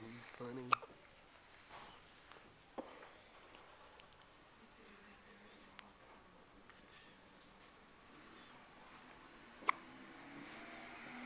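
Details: Hiccups: a few sharp, abrupt clicking catches spaced seconds apart in a quiet room.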